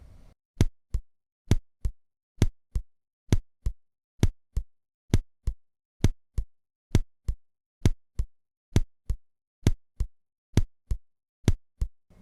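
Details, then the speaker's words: Simulated heart sounds in an even, regular rhythm at 65–70 beats a minute; the pacemaker source cannot be distinguished by auscultation and needs an ECG. Regular heart rhythm. "Давайте ещё раз послушаем этот фрагмент с ритмичной работой сердца с частотой 65-70 в минуту"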